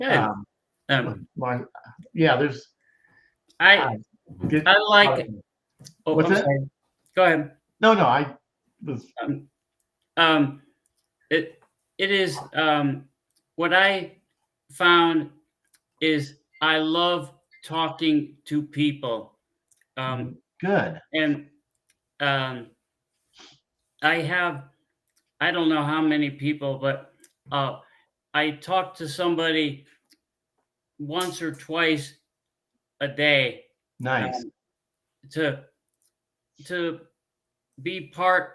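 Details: Man, a former pilot, with aphasia from a stroke 15 years ago; he cannot read or write; speech with frequent fillers, pauses and word-finding difficulty; aphasia after stroke.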